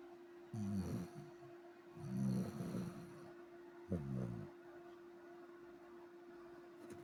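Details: Sleeping dog snoring: three low, rumbling snores with a steady hum in the background.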